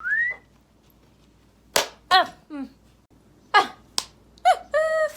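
Sudden brief squeaks, yelps and sharp vocal bursts separated by silence, fitting vocal tics during a tic episode.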